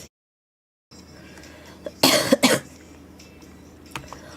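Two harsh coughs in close succession with a short catch between, over quiet room noise.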